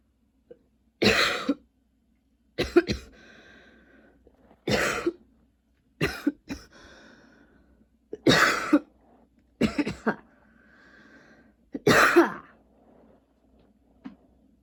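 Repeated harsh cough bursts, some in pairs, with throat clearing between them, about seven coughing episodes; a persistent cough.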